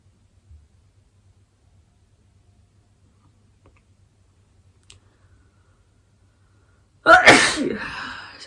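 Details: Near silence with faint rustles, then one loud, explosive sneeze set off by a COVID-19 nasal swab test: a normal reflex response to nasal irritation.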